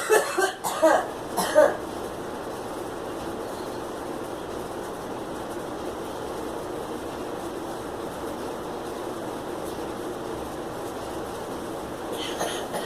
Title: Girl coughing